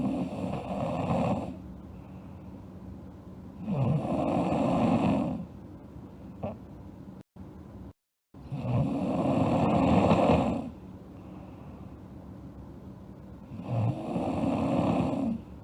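Loud, regular rasping snores on each breath in, with quiet breathing out between, about four breaths a minute are heard here: snoring.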